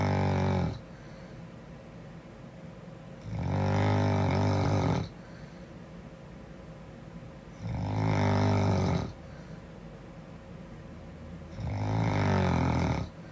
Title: Snoring girl 2